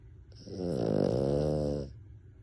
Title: Ever Wonder if Dogs Snore?